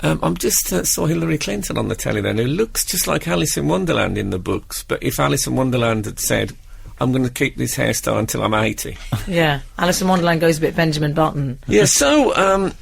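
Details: Adult male speaker; typical voice.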